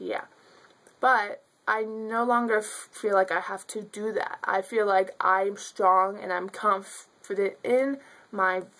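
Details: Stuttering in an adult woman.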